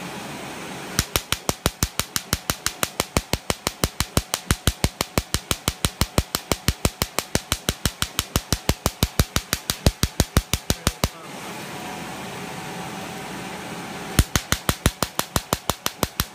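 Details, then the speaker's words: Erbium laser removing a facial mole layer by layer under anesthesia, as part of a hybrid laser mole treatment: rapid regular sharp clicks, about 90 a minute, in two runs separated by a pause. "okay so here's the mall and you see me take it down layer by layer"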